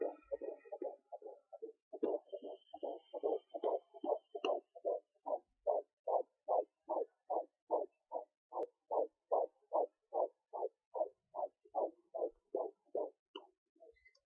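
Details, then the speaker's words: Fetal heartbeat at 13.2 weeks pregnant on a Sonoline B home fetal Doppler: rapid, regular galloping whooshes at about 146 beats a minute, faster than the mother's own pulse. "now keep in mind that when you're doing this you can also hear your own heartbeat it is so weird but yes sometimes I pick up my own heartbeat in my stomach and um you know it it sounds similar to the baby's heartbe heartbeat but obviously the baby heartbeat is faster than your own"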